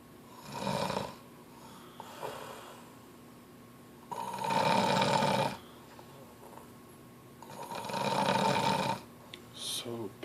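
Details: Adult wife, asleep, who doesn't think she snores, giving loud, rough snores about every three to four seconds separated by quiet pauses; ordinary adult snoring.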